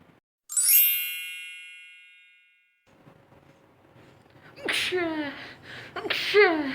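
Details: Two acted sneezes after a bell chime: sharp noisy bursts followed by a falling voiced 'choo'; comedic portrayal of sneeze types.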